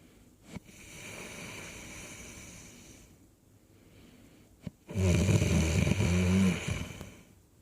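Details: A man snoring off-camera: a loud, rough, rumbling snore on an in-breath after a quieter breath, with a soft click between breaths; snoring.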